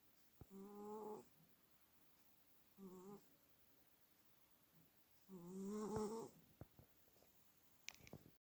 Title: 😻Sleeping beauty, snore❗